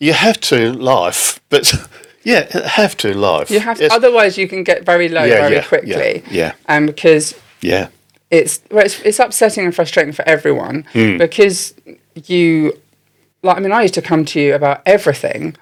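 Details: Adult woman speaking; typical speech.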